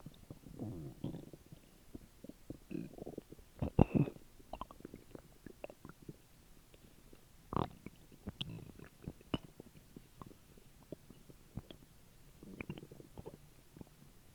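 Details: Soft gurgles, pops and low rumbles coming irregularly from the belly after dinner: ordinary bowel sounds after a meal, old recording.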